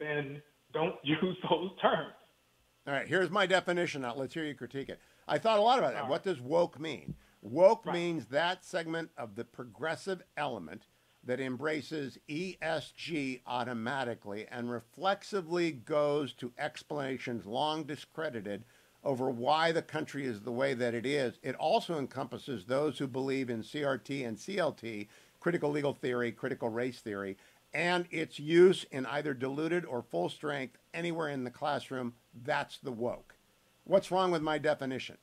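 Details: Adult male speaker; normal speech.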